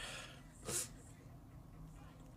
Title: Cutie with allergies 🤧 #sneezes #allergyseason